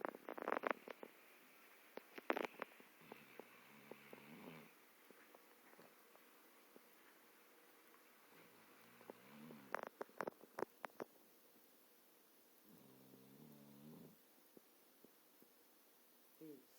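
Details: A Labrador dog snoring in sleep: soft, low, fluttering snores recur with pauses, mixed with clicks and rustling nearby.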